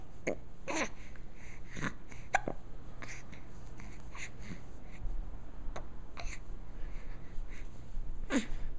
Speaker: yes yes the hiccups are awful i know sorry this is purely for medical research